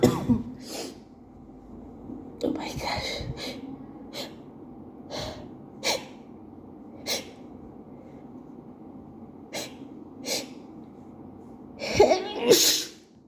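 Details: Adult at work with an allergic reaction, apparently to a co-worker's bathroom, amid night allergies: about a dozen rapid sneezes, some small and stifled, with gasping breaths between, in an allergic sneezing attack.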